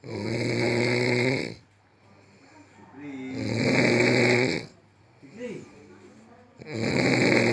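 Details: Heavy snoring: loud, rough, buzzing snores on each breath, roughly every three to four seconds, with quiet gaps between.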